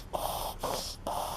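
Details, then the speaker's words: Dog that owner says reacts to smoke (owner suspects smoke allergy; vets call it reverse sneezing): three rapid, forceful snorting nasal inhalations in quick succession, a reverse-sneezing episode. "this is what happened when your dog wheezing this is when he's when he's allergic to smoke my dog's allergic to smoke"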